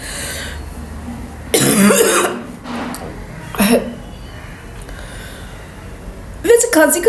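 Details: A woman deliberately coughs for a cough challenge, saying the fake coughing starts to feel real and brings tears to her eyes: a voluntary cough.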